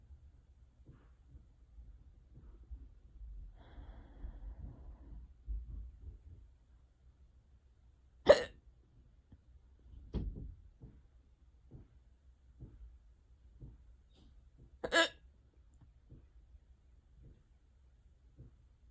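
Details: Unusually severe, long-lasting hiccup bout: sharp, sudden breath catches, two loud and several faint, irregularly spaced several seconds apart; hiccups.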